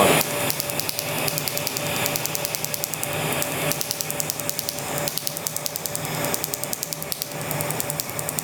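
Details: Laser tattoo removal, second session on a black tattoo on the leg, without numbing cream: rapid regular snapping clicks, several a second, over a steady hiss and fan hum as the device fires pulses.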